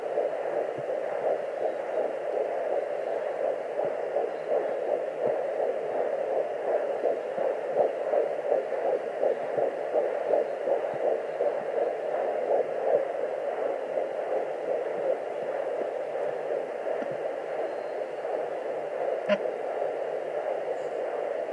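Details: Fetal Doppler (Sonoline B) at 11+4 weeks of pregnancy: steady whooshing hum with a fast pulsing early fetal heartbeat popping in and out amid lots of fetal movement, partly masked by a loud sound (possibly an artery); fetal heartbeat.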